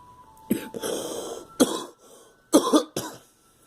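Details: Girl coughing: four harsh, forceful coughs in close succession, somewhat throaty, with a faint tone in the background.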